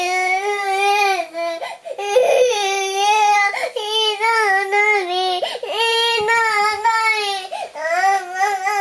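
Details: Loud, sustained wailing cry with wavering pitch and brief catches for breath from a 2-year-4-month-old girl on a day of frequent crying after waking early; cause unknown, parents guess teething, a nightmare or cold.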